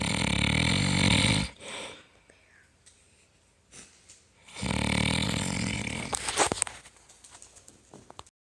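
Two long, loud, rattling snores, each followed by a quiet pause, with a few soft rustles in between.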